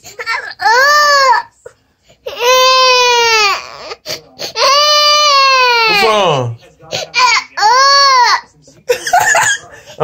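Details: A 1-year-old boy crying hard out of frustration, not pain: loud, drawn-out wailing cries with gasping breaths between them, adults talking nearby.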